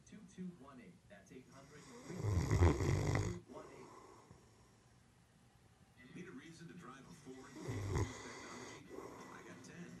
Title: The Snore